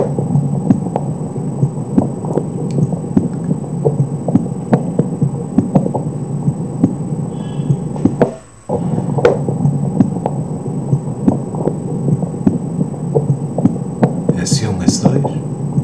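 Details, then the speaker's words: Normal heart sounds at the mitral focus, possibly with the patient lying on the left side: muffled, regular, distinct first and second sounds, no third sound, no murmur, steady hum and rubbing noise. Real or simulated not stated. "primeiros são e segundo são bem visualizadas sem esse três sem O sopro alguns ruídos"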